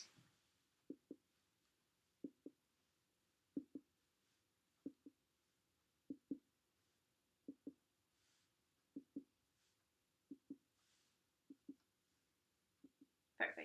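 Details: During a head-to-toe assessment, percussion of a flat abdomen: paired hollow finger taps across the abdomen giving a normal drum-like tympanic note.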